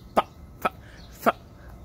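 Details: Man with Tourette syndrome makes three short, sharp, cough-like throat noises at irregular intervals while talking: vocal tics.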